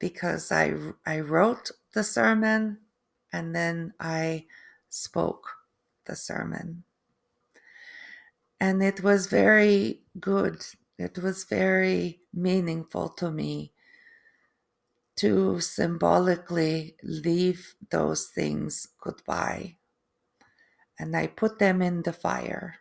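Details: Adult woman, third-generation Canadian, with post-stroke aphasia and apraxia of speech; foreign accent syndrome began three months after the stroke, which she feels sounds East European; foreign accent syndrome with apraxia of speech.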